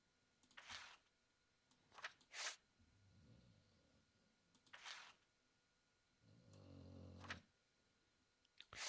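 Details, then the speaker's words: Dog snoring: two low, rumbling snoring breaths from a dog, with sharp clicking sounds between them, in a quiet room. "Sorry, guys, if you can hear my dog snoring."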